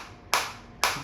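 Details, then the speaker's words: Biotronix focused shockwave therapy applicator on the operator's own hand and wrist at high intensity (about levels 9–11), felt deep in tissue: two sharp, loud cracking pulses about half a second apart. "तो न और 10 मेरे लिए enough है hand के लिए और आप देख सकते हैं कि मेरे को पूरा अंदर तक ये हिट हो रहा है और मेरे को अंदर तक फील हो रहा है।"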